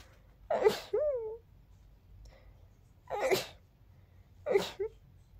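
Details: Three sharp, explosive sneezes about two seconds apart, the first followed by a brief high squeaky voiced sound; sneezes described as girlier than expected; repeated sneezing.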